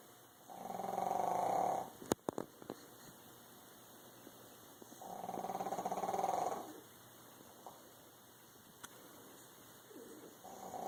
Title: Pug snores